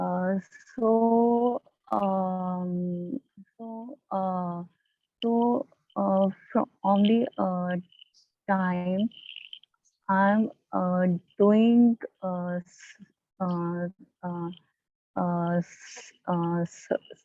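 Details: Stuttering in an adult woman from a stammering support group, heard with repeated fillers and blocks.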